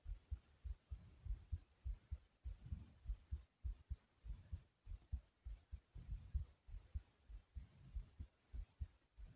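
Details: A person's own fast heartbeat recorded close to the chest: quick, regular, low thumping beats over faint room hiss, consistent with tachycardia.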